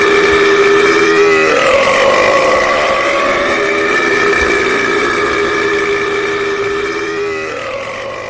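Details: One long, loud, drawn-out voiced belch lasting about eight seconds, a deliberate prolonged burp in a burping contest.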